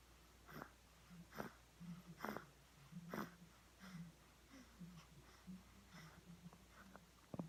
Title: Snoring Sminkling